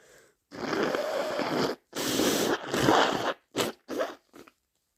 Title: Super messy cold sneeze and snotty blows